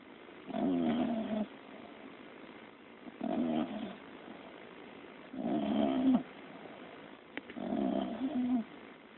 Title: snoring away